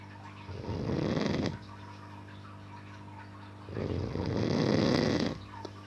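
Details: Man in deep sleep snoring: two long, rough, rattling snores with a quiet pause between them, over a steady low room hum.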